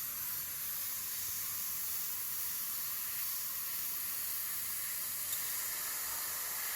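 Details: Professional dental cleaning after braces removal to remove remaining bracket glue: steady high-pitched hiss and spray of the instrument with faint room noise; dental scaler in use.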